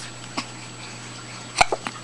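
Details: Baby aged three weeks, 2 days: a few short, sharp hiccup catches over about two seconds against steady room hum; hiccups.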